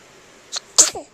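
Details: 9-day-old infant girl held by her father, single sneeze: soft intake, then a sharp hissing burst with a brief voiced tail.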